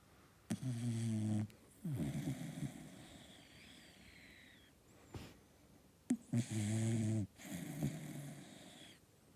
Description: Cockapoo puppy dog sleeping snuggled snoring cuddled